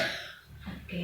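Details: Adult female patient taught deep breathing and effective cough with chest physiotherapy: after deep breaths held two seconds, a single short, forced voluntary cough with a throaty rasp to bring up sputum for lab testing.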